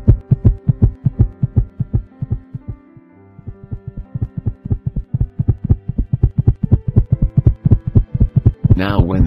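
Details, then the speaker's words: Simulated regular heartbeat at about 72–80 beats a minute over soft music, stated as 72 beats per minute: a normal resting heart rate, from an animated explainer on how the heart works. "when a person in arrest you can see the heart beating rate is normal and BPM rate is up to 72"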